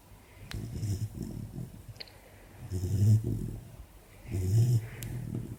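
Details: 4-month-old Labrador puppy asleep with an ear bud in her mouth: low, rumbling, uneven snores with soft fluttering over quiet room noise; ordinary sleep snoring.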